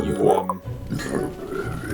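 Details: Compilation of a friend's burping clips recorded over several months: a short, deep, rumbling burp, then muffled room noise and faint background music; burping.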